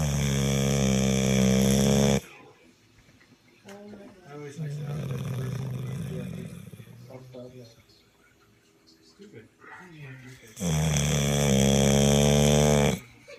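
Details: Sleeping pit bull dog: two very loud, long, rattling snores, each about two seconds, with quieter breathing and background noise between; very loud heavy dog snoring.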